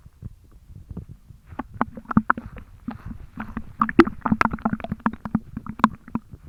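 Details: An adult jiggles their own full belly after drinking almost a litre of milk in one go, producing irregular wet stomach sloshing and gurgling bursts (succussion splash).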